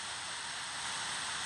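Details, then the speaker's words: Steady hissing spray with a faint hum: dental ultrasonic tip with continuous water flushing to clear dentin dust while troughing the MB1/MB2 region during tabletop maxillary molar endodontic access under a microscope. "of course you're going to be creating a lot of d and dust so it's critical to uh continually flush"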